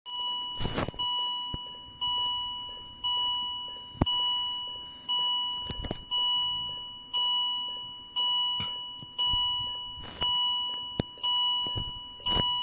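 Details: Philips M3046A Viridia bedside patient monitor with M3001A module in demo mode with simulated data; repeating tonal alarm about once a second during an alarms test: patient monitor alarm.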